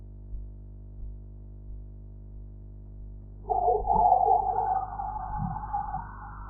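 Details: Blood pressure practice audio for reading a sphygmomanometer dial: Korotkoff sounds heard as faint, regular low thumps at about 85 a minute, then a loud rushing background noise that partly masks them.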